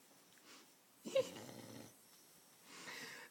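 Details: Sleeping puppy snoring: two or three slow, rough breath sounds, one louder and rattly.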